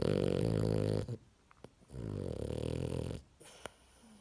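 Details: Dog (Madox) asleep, snoring: two long, low, rattling snores separated by quiet pauses.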